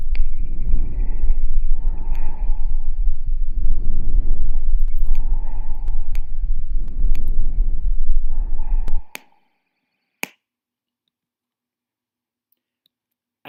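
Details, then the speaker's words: Normal bronchial breath sounds heard over the large airways and trachea: loud, high-pitched, hollow, harsh breathing in about four cycles. "bronchial sounds are high-pitched loud and Hollow and I only heard over the large Airways and the trachea"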